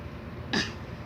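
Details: Deliberate fake cough from a young boy at play: a single short, light cough burst, voluntary rather than illness-driven.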